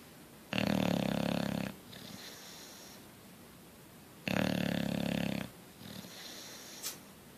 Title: Coach the Bulldog asleep and snoring